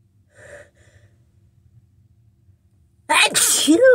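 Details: Adult sick with a cold, nose congested and tickly all day: quiet sniffly breathing, then a loud burst of repeated sneezes with gasping intakes, finally released with help.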